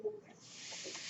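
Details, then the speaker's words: Real mechanical ventilator used by the speaker, audible during a podcast recording; the speaker identifies the noise as his ventilator; mechanical ventilator airflow. "My name is. That noise you're hearing is my ventilator, and thank you for tuning in."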